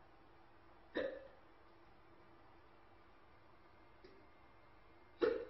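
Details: Hiccups, demonstrated in a traditional Chinese medicine listening-diagnosis lecture.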